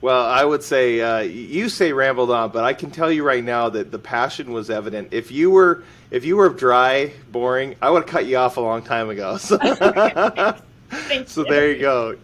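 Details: Adult male speaker; normal speech.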